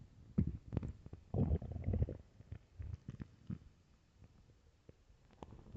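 Low gurgling rumbles and bubbling bursts, loudest early then fading; ordinary stomach growling of an empty stomach.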